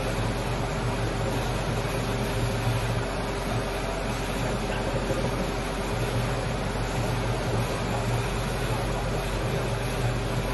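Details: Steady loud mechanical hum, whir and low drone of a 5-axis dry chairside dental milling machine (CAD/CAM, automatic tool change) running, cutting a restoration.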